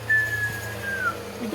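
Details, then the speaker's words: Wheeze: a high-pitched, musical whistling sound heard in two sustained stretches, from air forced through a narrowed airway. "o sibilo é o a querendo passar numa via aérea está estreitado é um som musical"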